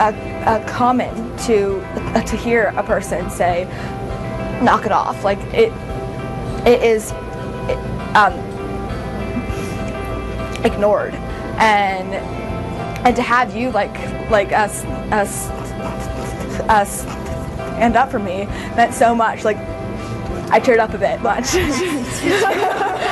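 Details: Real (not acted) stuttering in a female actress whose stutter is genuine.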